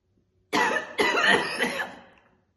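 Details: Real, intense chain-smoking session: a woman smokes 2 cigarettes in a row, holding them in her mouth mostly hands-free. Two heavy, harsh coughs in quick succession with a raspy, rattling tail. Smoker's cough.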